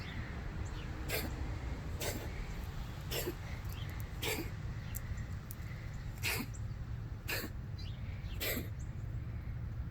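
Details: Cat Oreo gives about seven short, sharp coughing bursts in a row, likely a hairball cough; no further coughing afterward.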